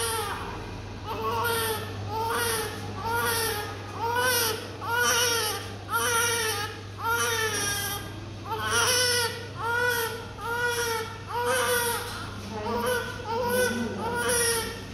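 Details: Rhythmic, repeated crying, about one cry a second, with steady room hum; a vigorous cry from a healthy newborn whose eyes are not yet open, with a doctor checking the heels.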